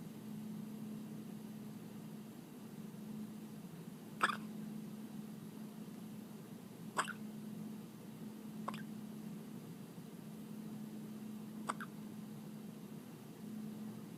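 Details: Infant hiccuping during kangaroo care, skin-to-skin on her mother: four brief, sharp hiccups a few seconds apart over a steady low hum.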